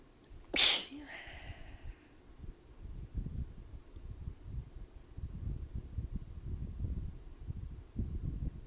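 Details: One loud, sharp sneeze, then quieter rustling room noise, triggered by a sudden temperature change after a shower and cold air, in a person with allergies and a sensitive nose.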